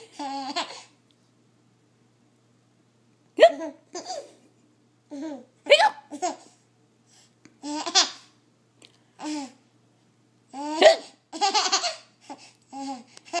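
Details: 7.5-month-old infant with sharp, abrupt hiccups every two to three seconds, each followed by giggles and laughter: hiccups.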